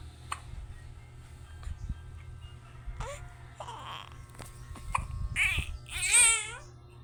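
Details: Baby's hiccups: short, sharp, irregularly spaced catches of breath with fussy vocal sounds and faint music behind.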